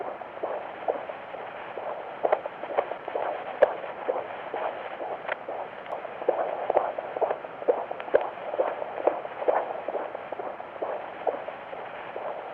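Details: Normal fetal heartbeat with cardiac activity on live ultrasound Doppler: rapid, rhythmic whooshing at roughly 130 beats a minute.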